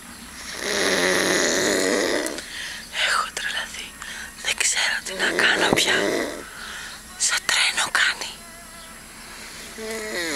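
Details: Man sleeping while camping at a beach: two long rough inhaled snores a few seconds apart, with whispering and rustling between; snoring.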